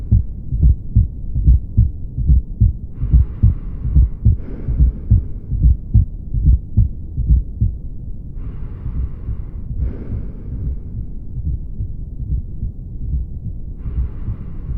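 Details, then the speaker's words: Fourth heart sound (S4, atrial gallop), described as heard in left ventricular hypertrophy and aortic stenosis: regular low heart sounds near 72 a minute with a soft extra sound just before S1. "S4 sound है ये जो sound है वो कुछ इस तरह सुने पड़ता है"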